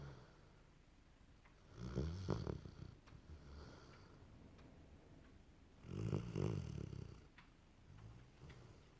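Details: Sleeping dog snoring: low rumbling snores with quiet breathing between them, about two snores in nine seconds, in a quiet room.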